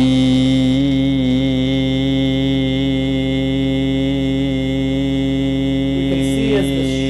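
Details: Sustained "eee" vowel produced during a transnasal endoscopic laryngeal video stroboscopic exam, with the vocal fold vibration viewed in slow motion.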